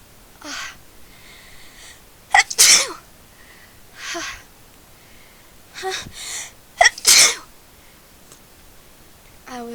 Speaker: I was at a friend's house who had a cat, and they just make me sneeze like crazy. Oh God. So I'm trying really hard not to sneeze, and not doing such a good job.